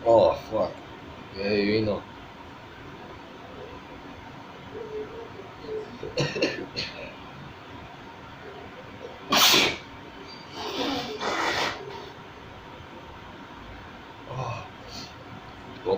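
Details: A man's deliberately self-provoked sneeze in a homemade recording: a sharp, loud sneeze bursting out among quieter voices and room noise.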